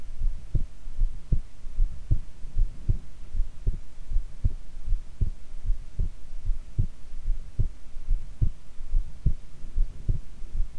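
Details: Heart sounds recorded lying prone: steady low heartbeat thumps at about 76 beats a minute over a low hum; regular rhythm, ordinary heart sounds.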